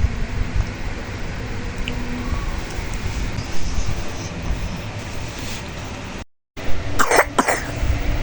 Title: Kompilasi batuk